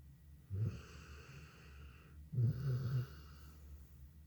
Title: Snoring Dog